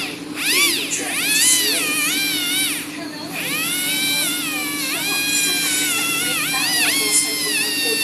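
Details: Dental drill polishing a newly placed tooth filling to remove excess material and rough surfaces: a high-pitched drill whine that rises and falls in pitch as it works.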